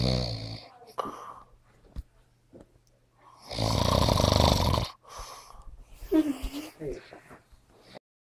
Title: Old Man Snoring